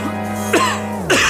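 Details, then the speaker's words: Acted persistent itchy cough in a TV ad, with two short, dry coughs over background music; the cough is suggested as possibly viral and slow to heal. "Ubong pakati ng pakati? Baka virus na 'yan. Kaya tagal gumaling."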